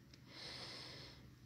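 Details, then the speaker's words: Small pet snoring softly while asleep in a quiet room: a faint, hissing, snuffly breath. "j'ai eu un souci avec jia yi j'aime chine qui ronfle où je suis pas si vous l'entendez"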